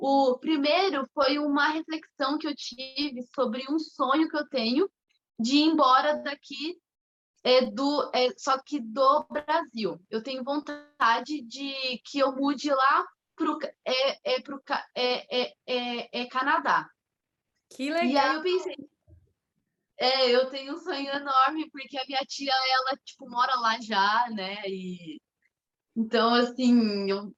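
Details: 25-year-old woman, Portuguese speaker, with mild stuttering beginning around age two and a half to three; stuttering.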